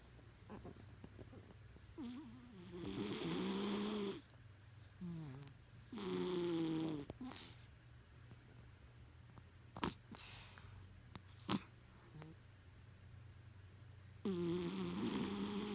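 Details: Very loud snoring from a sleeping cat: repeated nasal buzzing snores on the in-breath, a few seconds apart, over faint room noise.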